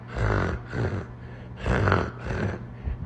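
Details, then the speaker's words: Imitated wet, rattly, very phlegmy breathing from mucus or drooled saliva in the back of a child's throat, as when teething. This is normal upper airway congestion that parents often mistake for wheezing. "very flimy that's mucus in the back of their throat or maybe even spit slobber if they're drooling like when they're teething that's completely normal"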